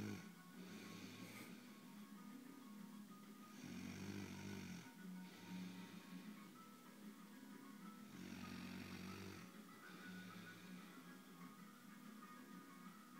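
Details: Very tired adult woman snoring in sleep: slow, rough snoring breaths about 13 a minute, each with a low fluttering rattle and snorts, over faint background music.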